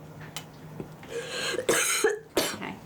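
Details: Coughing by a 17-year-old girl with cystic fibrosis during a specialist clinic check-up.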